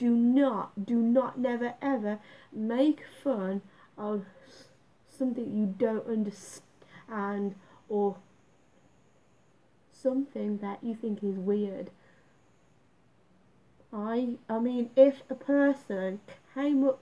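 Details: Female adult speaker living with a stammer that she reports worsens with stress and for which she does speech exercises; stuttering.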